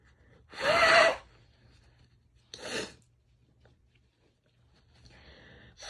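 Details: Female: sharp inward breath, then a loud sneeze, a second smaller sneeze, and faint nasal breathing in a quiet room, within a recording of sneezing, nose blowing and some coughing; sneezing.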